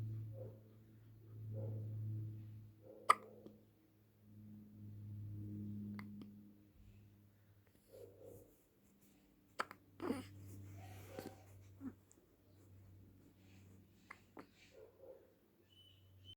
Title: Little one scared of her own hiccups